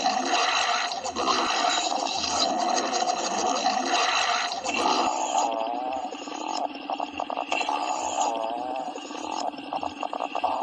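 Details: Hungry stomach growling: continuous loud gurgling and rumbling with wavering, squeaky pitch glides; borborygmi.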